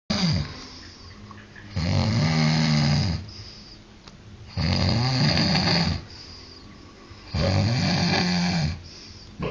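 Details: Snoring: loud, rumbling snores on each in-breath, about 22 a minute, with quiet breathing out between them. Live footage of a famous "snore roar", with an Elvis-like impersonation after the 45-second mark.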